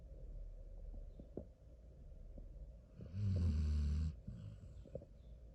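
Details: Deep, loud rumbling snore lasting about a second, with softer rumbling breaths around it, over low room hum, from a Basset Hound sleeping on a pillow; snoring.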